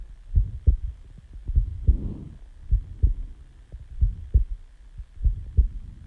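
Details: Normal heartbeat self-recorded just after waking from sleep: a steady, slow lub-dub at about 50 beats a minute, paired low thumps with quiet gaps.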